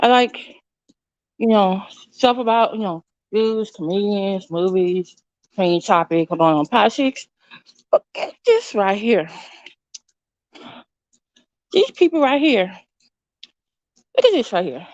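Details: Woman with an overbite who recently got braces and a tongue crib ("tongue tamer") that stops her tongue pushing against her teeth; she calls it her current speech impediment; lisp-like articulation from an orthodontic tongue crib.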